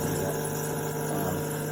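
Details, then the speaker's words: Pediatric nebulizer demonstrated running for nebulizing birds, small mammals and rats with respiratory disease: steady loud mechanical motor hum with buzzing vibration, producing visible mist. "it seems like just a vaporizer to see how the steam it looks like steam coming out see that"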